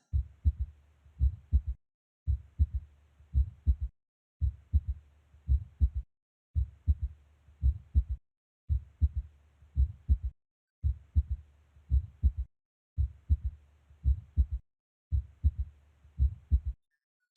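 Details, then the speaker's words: Teaching recording of a third heart sound, described as a sign of volume overload heard in heart failure: regular heartbeat with a soft, low extra thud early after S2, silence between S1 and S2; S3. "notice how between s1 and s2 there is silence but between s2 and s1 there is a sound that you can hear so i don't know if you can pick that up but pay close attention"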